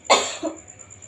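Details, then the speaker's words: Child sitting upright, one hand on abdomen, practising effective coughing after warm water: slow deep breath, hold, then cough hard to bring up sputum. One forceful cough burst with a short follow-on cough, no clear mucus rattle. "Lagi ya, tarik nafas pelan-pelan. Lagi, tarik nafas, tahan, kemudian batukan ya, gitu."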